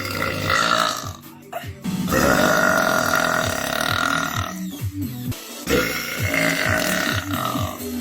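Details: Woman producing long, drawn-out voluntary belches with a rumbling, throaty tone over background music; burping.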